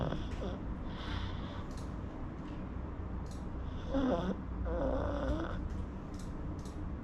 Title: Pug snoring